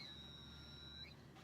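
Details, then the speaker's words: Steady high-pitched whistle from a hearing aid held in a closed hand with battery door closed; feedback shows the battery and aid are working; hearing aid feedback whistle. "not sure if you can hear that noise but that's a little whistling sound and you can hear that so this battery is good"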